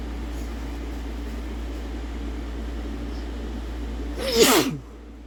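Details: Single sharp, forceful sneeze near the end over quiet room hum, provoked by sneezing powder ("chhinkni"); male.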